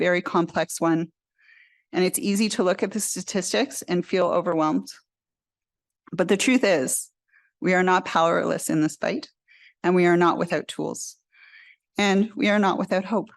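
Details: Adult woman speaking; normal voice.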